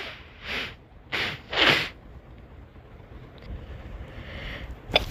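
Three quick sneezes in a row, then quiet sniffing and a short snort.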